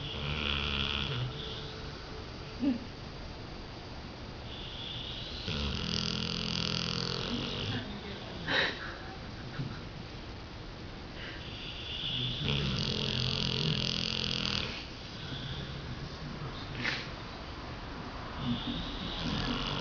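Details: Loud, long, rough wheezy snoring in a sleeping dog, each breath with a whistling edge and faint snorts between; snoring.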